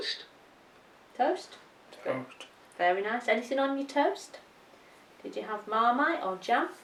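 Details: Adult about 2-3 years after a stroke, with significant expressive language difficulties, verbally repeating phrases built on an iPad AAC communication app; expressive aphasia.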